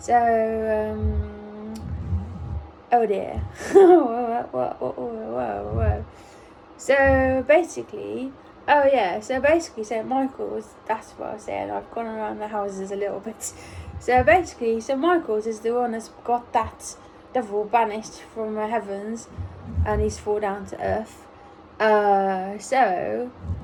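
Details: Autistic adult woman almost one year after a ruptured brain aneurysm, speaking in recovery with apraxia of speech from the brain injury.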